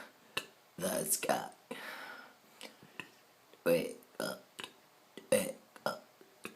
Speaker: I'm going to burp Twinkle Twinkle Little Star twinkle twinkle star